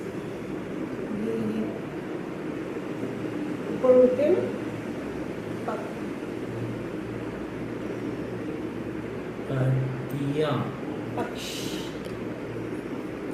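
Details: Adult male patient; Broca's (non-fluent) aphasia speech.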